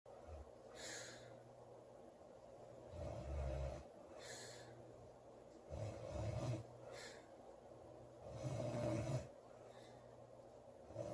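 Loud rumbling snores on breathing in, about every three seconds, roughly 20 a minute, with quieter breaths between; snoring.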